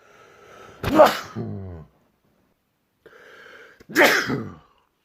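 Two loud, explosive sneezes, each with a brief breath-in before it and a voiced tail after.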